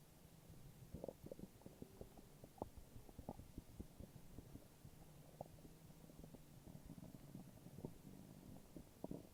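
Low, bubbling gurgles and rumbles with soft pops over steady background hiss; ordinary stomach growling.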